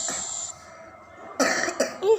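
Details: Two short, harsh coughs from a child with a cough being nebulized (steam inhalation) at a hospital, cough blamed on cold drinks in cold weather, with a soft hiss in the background.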